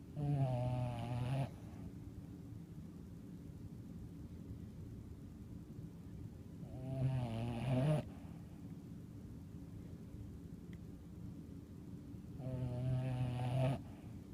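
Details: Sleeping dog snoring: low, buzzing, rattly snores about every 6 seconds, roughly 10 breaths a minute, over a steady low hum.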